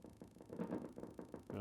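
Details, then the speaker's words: Needle EMG of a foot-region muscle as the patient barely moves, bringing the toes back: regular crisp pops, about eight in under two seconds, of motor units with normal shape, amplitude and duration. "there's another nice motor unit there again he's barely moving but we're getting nice good mode units there"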